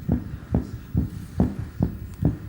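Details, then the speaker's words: Fast, regular heartbeat thumps climbing to about 140 bpm, in a televised demonstration of raising his own heart rate; tachycardia, a pace usually reached by hard running. "What sort of thing would a person have to be doing to create this sort of speed? 101. 101, Really running very fast would be the normal thing to put this up."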